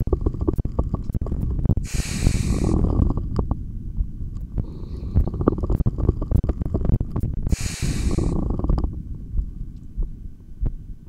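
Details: Bowel sounds (borborygmi): stomach growls picked up by a stethoscope while heartbeat audio is recorded during long exhaled and inhaled breath-holds, in a single unedited take.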